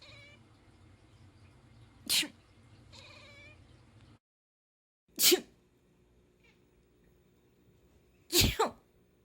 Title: Cat reacting to sneezing